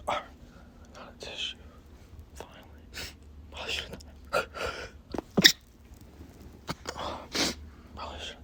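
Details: Male trying to stay quiet while sneezing, with several short muffled sneezes held back through the nose and sniffs between; nose tickling, face burning, eyes tearing; tagged allergies/cold; stifled sneezes.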